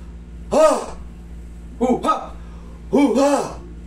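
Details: Three short voiced gasps or cries of pain, each under half a second, in a quiet room, during traditional hilot massage; sudden vocal reaction to pain.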